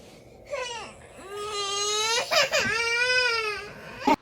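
Two long, high wailing cries with a catch between them; a baby crying.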